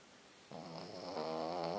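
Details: Small white Pekingese dog asleep: a quiet start, then a rising, buzzy, tonal snore, louder in its second half.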